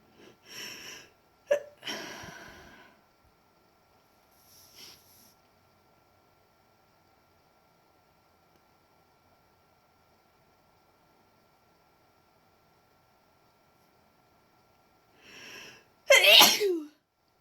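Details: Induced sneezes: sniffs and a catching breath, a long quiet pause, then a breath in and one loud, sharp sneeze.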